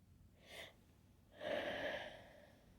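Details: Late-night sneezing fit: a short hissing intake, then a muffled, held-back sneeze forced through the nose, stifled while trying to stay quiet against a strong tickle.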